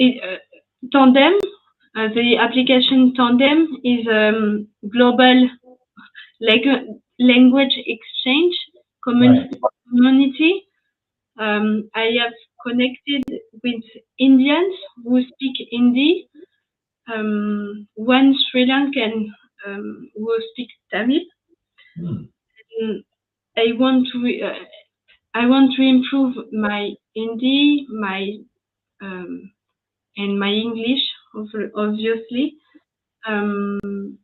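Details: French woman, ischemic stroke at age 22 in 2011, completely mute for 10 days, then spoke very badly even in French; still has trouble articulating English, gradually recovering words and sentences; aphasia after stroke.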